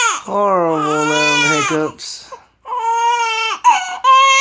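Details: Infant girl who has the hiccups crying loudly and tonally in two long bursts separated by a brief pause; an ordinary infant cry.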